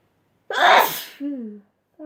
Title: sneezing compilation